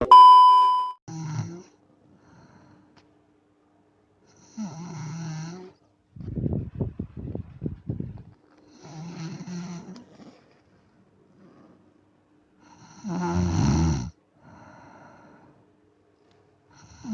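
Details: Adult sleeping at night, recorded around 2:30 am: a brief tone, then recurring low, rough snores with rattling breath noise between them; snoring.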